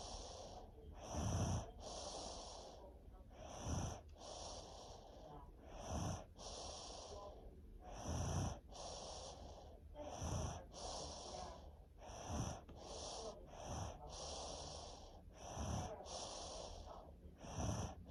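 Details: Snoring in a sleeping person ill with strep throat and a head cold for over a week, who snores whenever ill; noisy breaths with a rough, snorting snore about every two seconds, roughly 30 breaths a minute.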